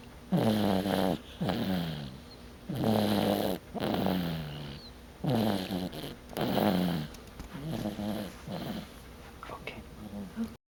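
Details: Loud, rattling snores on each breath, about 45 a minute, with a low fluttering buzz, recorded October 11: snoring.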